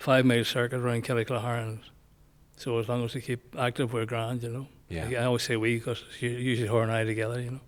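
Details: Male nearly 65 with Parkinson's disease, on medication, who noticed a voice change before diagnosis; also word-finding difficulty, tremor, gait problems and light-headedness; hypokinetic dysarthria (Parkinson's disease speech).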